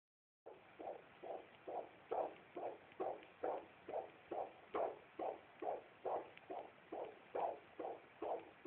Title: babys heart beats -2009-12-01-17-48-42